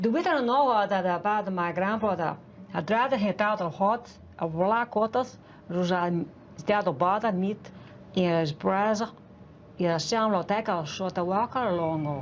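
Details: Real news clip of a native English-speaking woman with foreign accent syndrome from brain damage (traumatic brain injury or stroke); first sentence vaguely recognizable, then hard to understand: foreign accent syndrome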